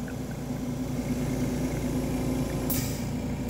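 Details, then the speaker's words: An oxygen concentrator just switched on, green light lit, cannula tubing removed, on a balcony; the owner says it beeps and fails within five minutes. Steady hum, irregular humidifier bubbling, brief hiss. "bom ligou verdinho marcando aqui um pouco borbulhando aqui"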